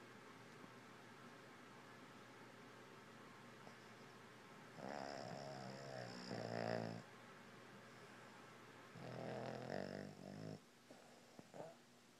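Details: Snoring in a sleeping Boston terrier caught in REM sleep: two rattling, snorting breaths a few seconds apart over steady room hum.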